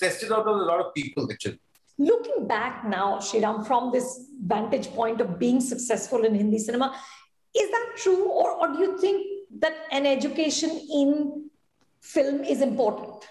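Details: Adult speaker; typical speech.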